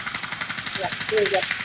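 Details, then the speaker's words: Shockwave therapy wand in a live demonstration, run over the pectoral (chest) muscle: rapid regular mechanical tapping, about twelve pulses a second, with a faint voice; described as a tap followed by a small internal explosion felt through the joints. "but that noise it's it's a tapping on the body it and it it's the oddest sensation but can feel that through your joints and it kind of feels like a a tap and then kind of like a little explosion in inside"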